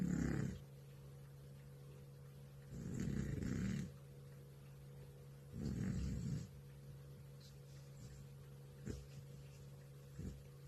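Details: Three long, low rumbling snores about three seconds apart, with softer snuffles after them and a steady hum behind; an old male cat snoring in deep sleep.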